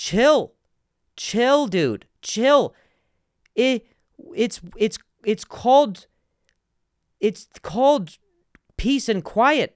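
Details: Adult male comedian with long-standing stuttering that still sometimes occurs; this real stretch of speech contains word repetitions, consistent with stuttering.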